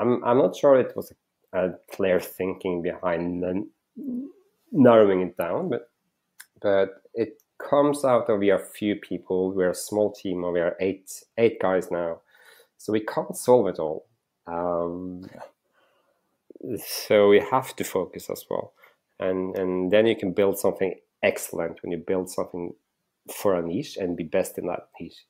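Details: Adult male with real stuttering that he says is audible when he speaks; stuttering.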